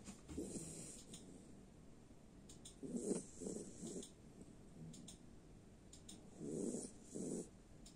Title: Jack russel snoring